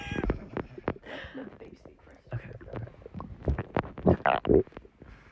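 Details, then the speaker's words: Adult male's stomach growling recorded with the mic close to the belly after eating a lot of chicken: bursts of squelching, gurgling sounds with soft clicks and rumbles; bowel sounds (borborygmi). "It's cuz I ate chicken. It's cuz I had meat, truly. And I ate also just like a ton."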